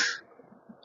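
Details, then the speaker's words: A brief sharp hiss of a metered dose inhaler puff followed by a faint breath in, demonstrating correct use: pressing the button while inhaling at the same time. "soon as you press the button, the vapors come out. At the same time, you have to take a breath."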